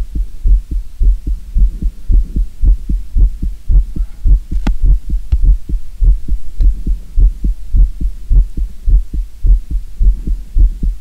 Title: Will you listen my real heartbeat sound? 콩닥 제 리얼콩닥 심장소리들어봐요 ASMR [NO TALKING]